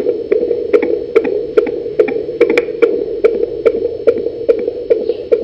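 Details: Fetal heartbeat at 19 weeks of pregnancy, recorded with a home fetal Doppler and gel placed low on the lower abdomen: rapid, regular whooshing beats over a steady hum, about 143 a minute.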